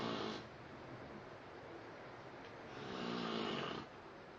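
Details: Two people snoring at such high volume the recorder cannot sleep, recorded in Phuket, Thailand; loud, rough snoring breaths with a steady room hum behind.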